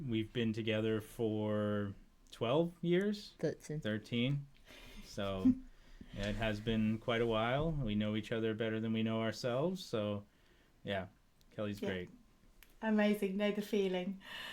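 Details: Adult male speaker; normal speech.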